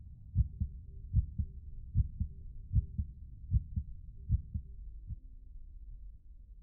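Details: Steady, paired lub-dub heartbeats at about 75 a minute, deep and muffled.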